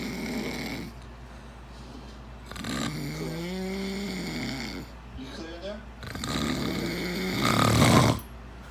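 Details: Loud, rough, pig-like snorting snores on inhaled breaths, with quiet pauses between them.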